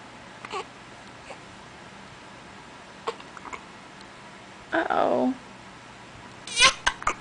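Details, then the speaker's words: Infant hiccups: several brief, sharp catches spaced irregularly, with one short fussy whimper, in a quiet room; the baby has hiccups all the time. "oh oh you hate the hicups do you hate the hicups oh"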